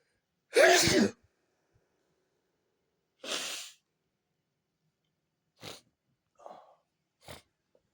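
One loud, forceful sneeze, a softer follow-up burst, then several quick nose sniffs in a quiet room.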